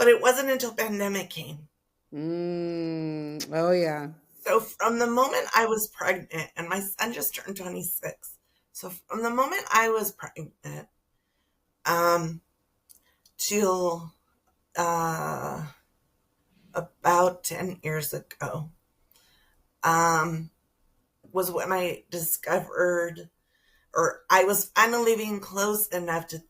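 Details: Adult woman with spasmodic dysphonia that began with stress in her first year as a teacher and took two years to diagnose; treated with Botox injections every few months, recorded at the end of her three-month cycle; spasmodic dysphonia.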